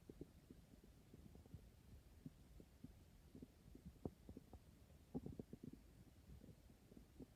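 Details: Low gurgling and rumbling with irregular bubbling pops in a quiet room; hunger-related stomach growling, ordinary bowel sounds.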